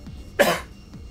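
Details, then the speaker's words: One short, abrupt, dry cough from an adult man after eating pistachios, fading quickly over faint background game music. "the reason i coughed is because i ate pistachios before doing this recording and they're so tasty if they make me cough"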